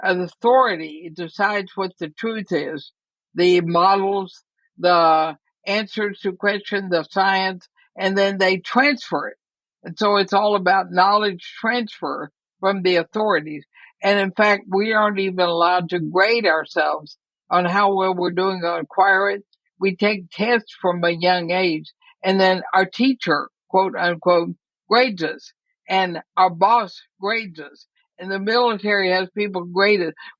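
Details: Woman near 80 diagnosed with ALS (Lou Gehrig's disease); she reports quite a bit of speech trouble but feels still intelligible; dysarthria (ALS).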